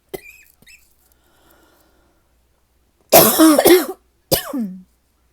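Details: Mild cough attributed to the weather and seasons changing, not sick: a short, fairly dry cough burst, then a single further cough after a quiet stretch.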